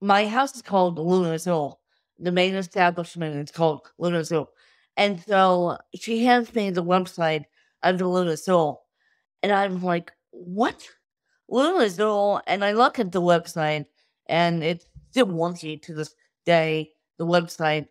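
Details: Adult woman with cerebral palsy since birth from lack of oxygen at birth; wheelchair user with difficulty speaking, sitting up and eating, and easy fatigue; dysarthria (cerebral palsy).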